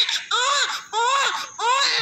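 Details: A male newborn, delivered by LSCS, crying strongly while being cleaned of vernix and clots: three loud, vigorous, rhythmic wails of about half a second each, with clear pitch.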